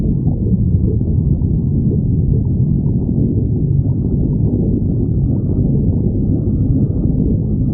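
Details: Stomach growling: a steady, deep rumbling moan throughout, consistent with gas and fluid moving through the bowel (borborygmi).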